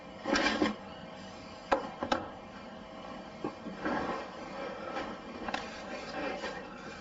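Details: Hiccups in an adult male: several short, abrupt vocal catches spaced irregularly over a few seconds, with faint room noise.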